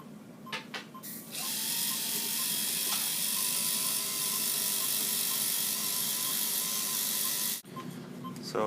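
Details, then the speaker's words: Dog under anesthesia for a dental cleaning; after ultrasonic and hand scaling, a technician polishes the teeth. A steady high buzzing whir of the rotary polisher runs for several seconds, starting and stopping with clicks. "thanks technician is now using the polisher on the teeth primary function is to in theory keep the tart the bacteria from attaching onto the uh the tooth but it's also Aesthetics just makes the teeth all shiny nice and"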